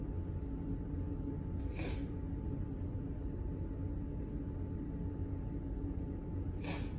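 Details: Sneezing set off by cigarette smell from neighbors' smoking coming through an A/C vent (smoke allergy); two short, hissing sneeze bursts over a steady low background rumble.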